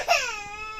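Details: Baby girl crying, said to be hitting her father too, as he apologises; a brief, high, falling wail; infant cry.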